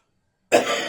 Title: Christmas morning bronchitis cough.